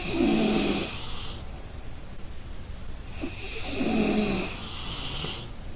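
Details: Exhausted person snoring in sleep: two loud, rattling snores on breathing in, with quieter breathing between.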